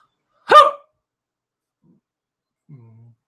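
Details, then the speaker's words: Drunk adult man hiccuping repeatedly: a single sharp, abrupt voiced hiccup followed by a faint low murmur. "I just know I'm hiccuping a lot lot I just hiccup a just then right there did you hear that"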